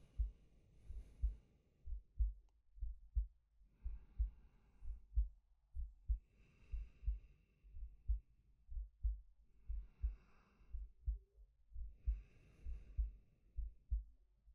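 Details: Steady, low heart thumps at about 62 a minute under slow, audible breaths, recorded from a male as a sleep-aid ASMR; a normal resting heartbeat with calm breathing.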